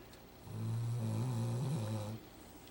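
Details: Dog sound asleep on a couch on the day she came home after a toe amputation, snoring: a single long, low, rumbling, steady vibrating snore lasting under two seconds.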